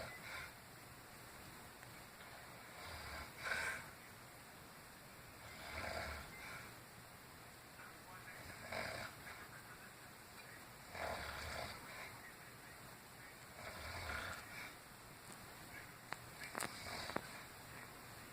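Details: Grandmother snoring loudly in sleep: harsh, rasping snores every two to three seconds, about 24 breaths a minute, over a steady room hum.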